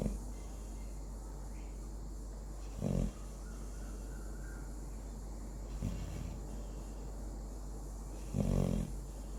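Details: A Labrador that has just started snoring loudly: three short rumbling snores, about one every three seconds, over a steady low hum.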